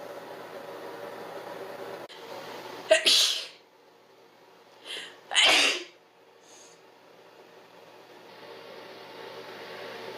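Two explosive sneezes, each preceded by a brief in-breath, over steady room hum.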